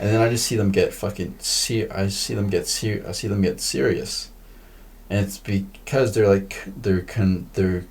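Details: Male podcast host who stutters; part-word and word repetitions; stuttering.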